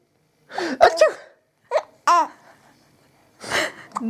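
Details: Adult's staged sneezes, each followed by a baby boy's bursts of giggling laughter; among the baby's first laughs, set off by the sneezing.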